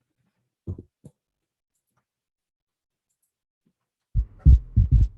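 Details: Gallop rhythm heard equally over all cardiac auscultation foci in a heart failure case: low, dull beats in triple groupings, faint extra sound after the second beat; S3 gallop.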